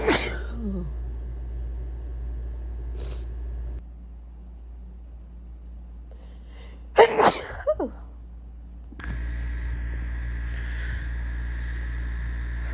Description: Just a compilation of random sneezes throughout the past couple of days.